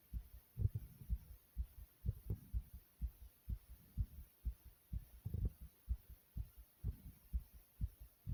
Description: not only is my heart beating fast but soothing too.